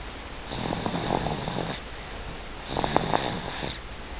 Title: Snoring LIke A Wookie